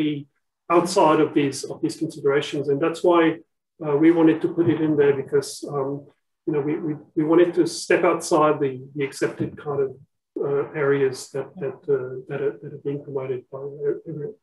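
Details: Adult speaker; ordinary conversational speech.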